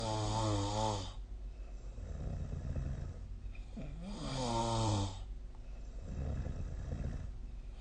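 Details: Snoring during sleep, recorded with a snore-tracking app on 2025/03/07; loud, rattling snores about every four seconds, some with a rising whistling tone and quieter breaths between; heavy snoring.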